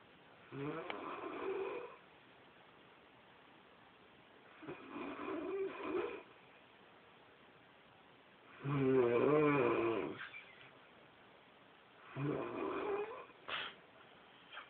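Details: Ordinary snoring: four soft, rough snoring breaths a few seconds apart, about 17 a minute, in a quiet room.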